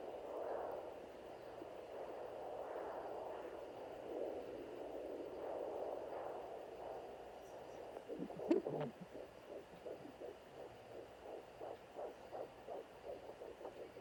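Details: Fetal heart tones on a digital doppler, in a normal vs abnormal comparison: doppler whooshing swells, then rapid, regular pulsing at roughly 160 a minute.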